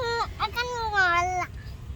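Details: Baby, titled as snoring: a short, high-pitched infant cry with a falling wail over faint background noise.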